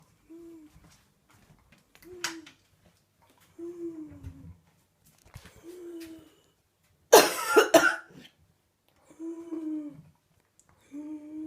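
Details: 32-year-old woman in week 5 of whooping cough (pertussis): a forceful cough burst among repeated high, drawn-in crowing whoop breaths.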